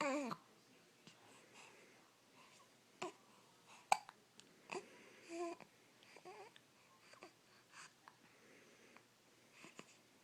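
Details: Baby with hiccups: soft, repeated short hiccup catches mixed with quiet babbling and small vocal sounds.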